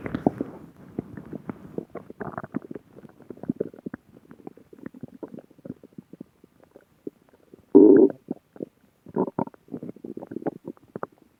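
Irregular gurgling, rumbling and squeaky bubbling from the abdomen, with one louder gurgle burst near the end.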